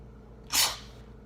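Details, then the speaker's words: Single sharp, hissing sneeze in a quiet room, deliberately induced by smelling pepper from a bowl. "Hey guys, I'm going to be showing you 3 ways to make you sneeze. Number 1, smelling pepper. So what I have here is pepper in a bowl."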